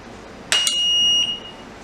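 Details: Oxygen concentrator switched on after repair, with the filter cleaned and the power supply connected: a brief high-pitched electronic beep as it powers on. This is the normal start-up alarm.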